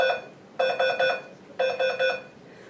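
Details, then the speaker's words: Repeated bursts of three to four high electronic beeps from a bedside monitor in critical care after major surgery, routine alarm tones; monitor alarm. "being admitted to critical care may seem daunting and overwhelming due to all the equipment we may use the monitors can be noisy and different alarms may sound"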